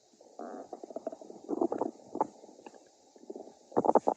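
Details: Stomach growling (borborygmi) from a hungry person.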